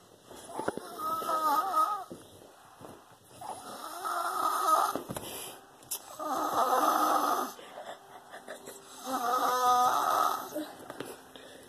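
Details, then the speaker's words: Loud, rough, rattling snoring in a sleeping 5-year-old boy, about four snores in ten seconds, loud enough to drown out the TV, with faint room noise between snores. "I just want you to see how loud he's snoring. We can't even hear the TV. He snores like that."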